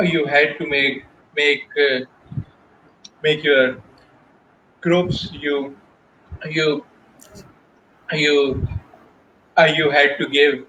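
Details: Adult male professional who stutters, speaking Hindi/Urdu about his job search; stuttering.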